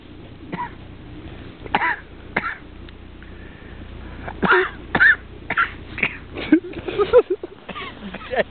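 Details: A coughing fit from an adult man descending a mountain ridge in Scotland: about ten short, harsh, throaty coughs and throat-clearing bursts at irregular intervals over low wind or engine rumble.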